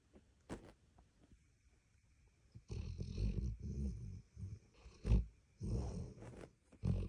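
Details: Labrador dog asleep in an odd sitting position, leaning on its owner: low, rough, rumbling breaths recurring irregularly; a sleeping dog's snoring.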